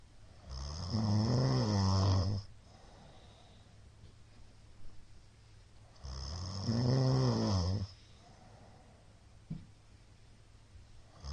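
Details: A middle-aged man's snoring, recorded 2022-02-23: two loud, rattling snores about five seconds apart, each followed by quiet breathing; the uploader suspects sleep apnea syndrome from the number of shallow hypopneas; snoring with suspected obstructive sleep apnea.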